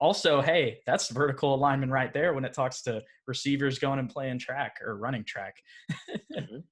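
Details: Adult man; normal speech.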